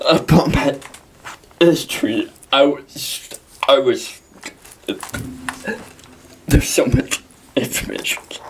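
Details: Dysarthria in a 23-year-old man with cerebral palsy.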